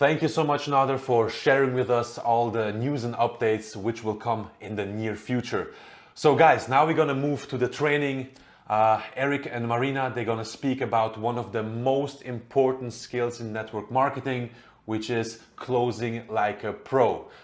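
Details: Adult male speaker; Normal voice.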